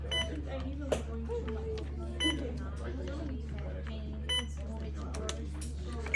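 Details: Short electronic beeps as an Alaris infusion pump is programmed for primary IV 0.9% normal saline at 100 ml per hour, 250 ml to infuse, with steady hum and muffled talk in a patient's room.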